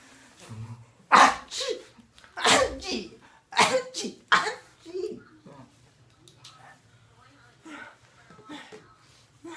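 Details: Sneeze sounds made to make a baby laugh: a run of four or five sharp sneezes in quick succession, followed by softer breathy sounds.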